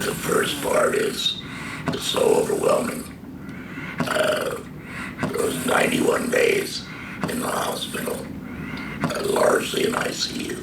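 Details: Adult man, stage III-IV squamous cell carcinoma of the larynx (false vocal cords), treated by total laryngectomy with tracheoesophageal puncture voice valve; tracheoesophageal speech.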